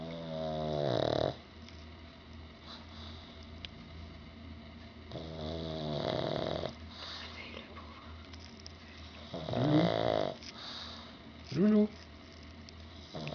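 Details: A sleeping pug's loud snoring: rattling snores with soft squeaky whistles over several breaths against a steady low hum; snoring in a flat-faced dog.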